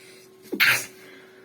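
A single sharp sneeze with a brief intake of breath, then a hissing burst of air, in a quiet room.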